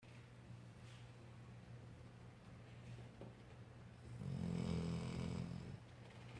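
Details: One-year-old, asleep: a low rattling snore, louder for one stretch near the end, over a steady low hum; snoring.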